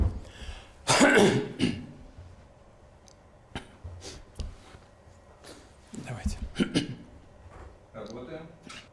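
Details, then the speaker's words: An adult man, aged 73 and described as having talked a lot that day, gives several short coughs and throat clears in a quiet room with no speech: cough and throat clearing. "Да, чуть не закашлялся. Много говорил очень сегодня."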